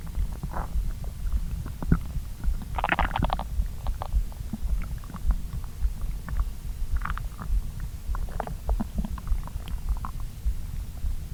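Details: Person's stomach after a late brunch of pasta following a long fast: continuous low gurgling and rumbling with scattered higher squeaks and bubbling; active borborygmi during digestion.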